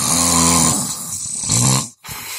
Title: Snoring....It AIN'T funny